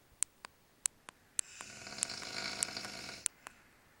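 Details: Soft hissing, fluttery snore with scattered sharp clicks in a quiet room, from a man sleeping in a motel; light snoring.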